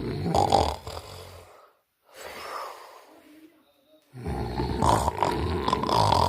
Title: i have apnee and snoring